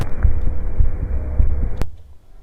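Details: Home experiment recording the person's own heartbeat with a sensitive microphone, boosted afterwards: soft, regular low thumps under a steady boosted hum, ending after a sharp click; normal heart sounds.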